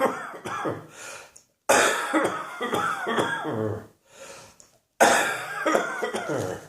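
Repeated harsh coughing fits from an adult, several bursts in quick runs with short pauses between; a plain cough.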